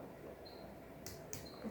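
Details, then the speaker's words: Percussion on an adult male patient during a nursing physical examination, after tympany over the stomach: short flat taps giving a dull note; dull percussion note. "Timpani. Pekak."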